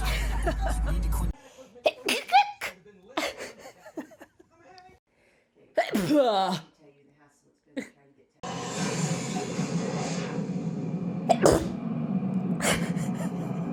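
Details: Several short explosive sneezes with sharp onsets, deliberately produced in different sneezing styles and techniques, separated by quiet gaps and stretches of music.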